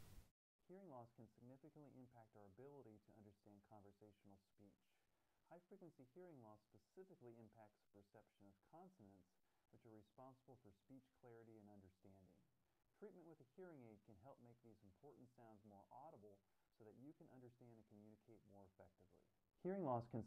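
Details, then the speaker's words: Simulation of speech as heard with gradually sloping high-frequency hearing loss: muffled, dull speech with the crisp consonants missing. "In today’s simulation I’ll have a speech sample as perceived by someone with gradually sloping high frequency hearing loss."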